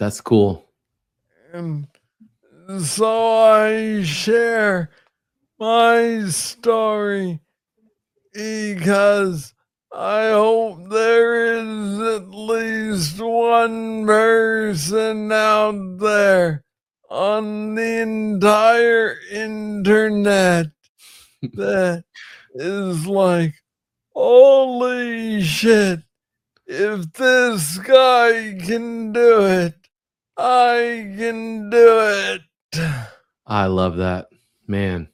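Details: Adult man with Parkinson's disease, diagnosed in 2014 at about age 35 after it was first misread as tennis elbow; real conversational speech; slow speech (Parkinson's disease).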